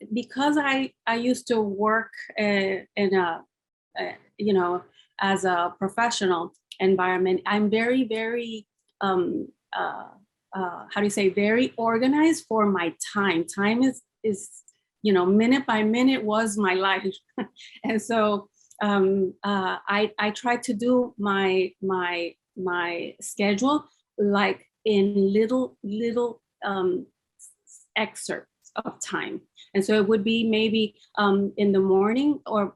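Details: Aphasia with residual word-finding difficulty in a formerly multilingual woman, 10 years after a massive ischemic and hemorrhagic double stroke at age 48; she was initially mute and had about three years of speech therapy.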